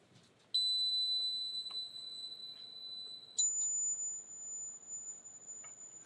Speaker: To let you know what it sounds like for patients with tinnitus, here is a little sound of it, of what they hear.